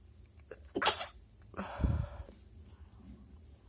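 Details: Adult woman with a tickling nose deliberately stifling sneezes; two muffled, suppressed sneezes with a sharp hiss of air, held back rather than fully released; nose afterwards blocked.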